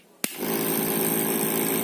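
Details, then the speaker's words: G-Tech nebulizer compressor switched from 230 V to 127 V setting: a switch click, then a steady, loud buzzing motor hum, stronger than its weak sound at 230 V. "Aí vocês têm que vir aqui, ó, passar para 127. Olha a diferença,"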